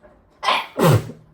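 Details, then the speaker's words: Sneeze set off by sniffing pepper while cooking, washing machine running in background: quick intake of breath followed by one forceful sneeze, part of a sneezing fit. "oh gosh already it's getting up my nose I'm going to sneeze I'm going to sneeze a lot"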